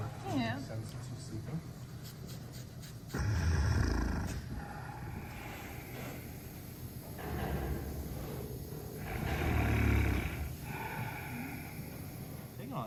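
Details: Sedated bear snoring while a veterinarian trims its claws at a wildlife center: deep, low rumbling snores in slow cycles, with people talking and handling noise nearby.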